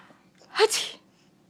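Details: A single sharp, explosive sneeze preceded by a brief breath in.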